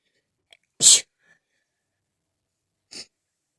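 A soft intake followed by one loud, sharp hissing sneeze, then a smaller second burst: sneezing.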